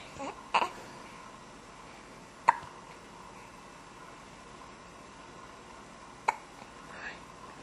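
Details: Infant girl about 15–17 days old, just starting to hold her head up, making a few brief, sharp, soft catches of breath over room hiss; hiccups.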